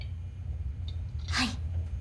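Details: A VTuber sneezes during a game stream: a single brief, ordinary sneeze burst over a steady, low room hum.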